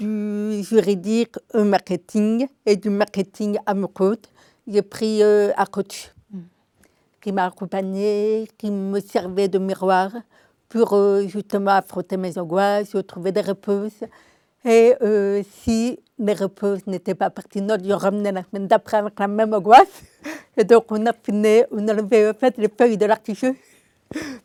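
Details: Adult woman with congenital deafness diagnosed at 9 months; a doctor predicted she would never speak; oral speech learned through 20 years of speech therapy, three sessions weekly; she says her deafness is audible in her voice; deaf speech (congenital hearing loss).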